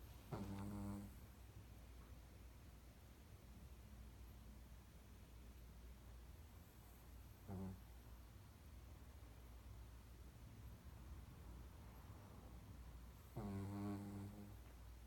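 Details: Dog napping and dreaming after a trip to the vet gives three rattling, vibrating snores at irregular gaps over about fifteen seconds, with a steady low background hum: snoring.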